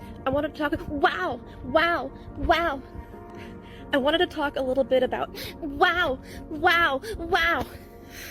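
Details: Female TikToker, aged about 27, who claimed Tourette's syndrome since age 6-7, repeatedly blurting out a word while trying to speak; the tics are presented as forced, and her condition was later shown to be fabricated; simulated vocal tics.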